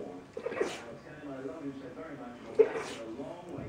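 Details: Paraplegic dachshund who has lost use of his rear legs, sneezing fit starting after a long walk; two sharp sneezes about two seconds apart with sniffing and snuffly breaths between.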